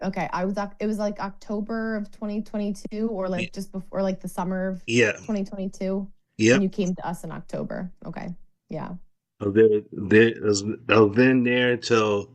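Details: Man with aphasia after a stroke in 2022, in speech therapy; expressive language was severely affected at first, receptive language was better, and he still has trouble with dates and numbers. Finding: aphasia.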